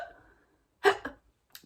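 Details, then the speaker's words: An adult imitates a hiccup with the mouth, a sharp abrupt gulping burst then a softer catch, demonstrating mouth sounds to children in a quiet room; imitated hiccup. "podemos mostrar também os sons que a gente consegue produzir com a boca seja de instalar língua de tucci que mais esse barulho de do pintor barulho o que mais a subir a degustar que mais de ronco có soluço"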